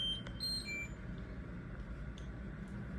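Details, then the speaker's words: Terumo TE-LF600 infusion pump with drip sensor, during a bolus demonstration: short electronic alarm beeps over room hum for abnormal, too-fast flow with unstable drops. "abnormal karena dia kira error, terlalu cepat ini ya. Kita bisa back. Tetesan tidak stabil, klem selang infus pastikan tepat tetesan saat pada saat pada infus seperti itu."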